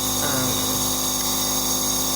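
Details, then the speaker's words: Steady high-pitched mechanical whine and hiss of a Surgitech mini nebulizer compressor running continuously, demonstrated with clean water instead of medication. "let me try it now i just plug the compressor in and see how it works now it's really working"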